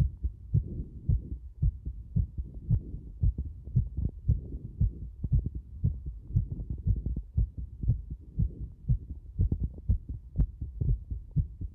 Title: ものすごく早くなる心臓の音